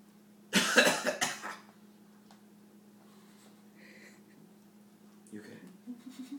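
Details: Two quick, forceful coughs from a young child, then quiet with a steady background hum and faint voices; a plain cough.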